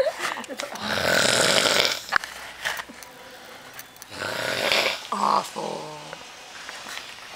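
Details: Drunk man snoring very loudly while two girls mess with him: loud, harsh rattling breaths in two bursts, a gurgling, throaty sound after the second; heavy snoring.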